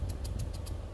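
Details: Omron KJR-Y53W 5-litre oxygen concentrator outlet, set at 5 L/min; steady machine hum with rapid regular hissing puffs, about seven a second: oxygen concentrator outlet airflow.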